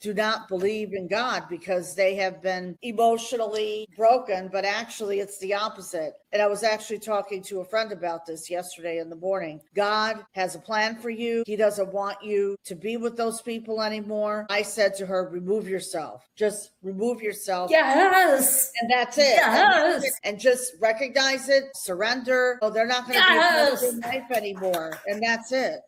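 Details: Adult women in conversation; normal speech.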